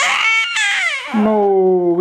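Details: 6-week-old boy whose hiccups came back: loud, tonal infant wail that falls in pitch, then steadies into a sustained cry; infant cry.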